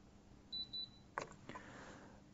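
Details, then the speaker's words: Two short high beeps in a quiet room, then handling clicks: an AJ15/16 dental chair confirming hydraulic system reset after the P button is held about 12 seconds; control beeps. "here is how to reset the chair position first press P button about 12 seconds and here you hear two beeps"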